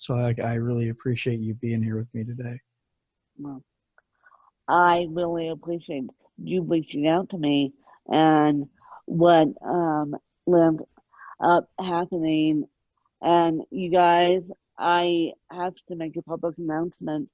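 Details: Adult woman with moderate ataxic cerebral palsy present since birth, attributed to lack of oxygen at birth; ataxic dysarthria (cerebral palsy).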